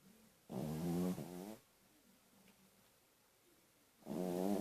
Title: My dog snoring